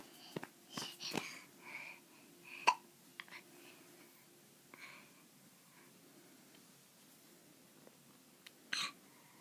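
Several short, sharp hiccup sounds over a quiet room, some with a faint voiced catch; repeated involuntary hiccups.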